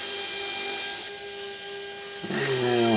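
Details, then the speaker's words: Dental implant drill whine, dipping and changing pitch as it is pumped up and down for irrigation, completing final 2.1 mm osteotomies to 8 mm depth in the anterior mandible for narrow-diameter overdenture implants, technique demonstration. "so pumping up and down to get irrigation into the osteotomy and completing my osteotomies like you see here"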